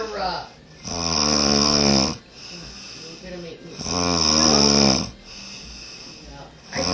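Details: A man sleeping, snoring very loudly: loud, rattling snores on each inward breath, about 20 a minute, with quieter breathing out between; heavy snoring, "sawing logs."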